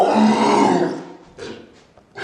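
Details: Burp in a comedy skit about holding in sneezes: one long, loud, rumbling burp that fades out, followed by a few quieter trailing sounds; burping.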